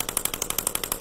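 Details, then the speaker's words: Shockwave therapy device treating tennis elbow (lateral epicondylitis) at the tendon attachment points, with ultrasound gel applied: rapid regular clicking pulses, about twelve per second. "yeah so this is really you know delivering that ultrasound wave into the tissue"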